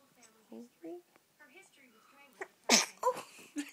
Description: Big baby sneezes